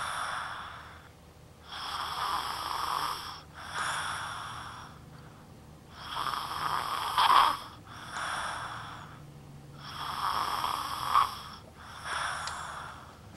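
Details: Snoring during sleep that has been frequent lately and now persists even when lying on his side, where repositioning usually stopped it; harsh, airy snoring on inhale and exhale, about 16 breaths/min, irregular, occasional sharp snorts.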